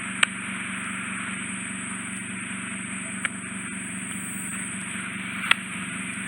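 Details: Endoscopic ear suction of the left ear in a man with bilateral occluding ear wax, dead skin and otitis externa: steady loud hissing suction with sharp pops as wax comes out in one large mass.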